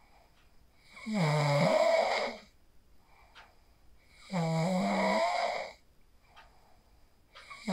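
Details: Snoring from a person sleeping after practicing the 4-7-8 breathing technique, recorded on a phone: loud rattling snores on each breath, about 19 a minute, separated by quiet pauses; heavy snoring during sleep.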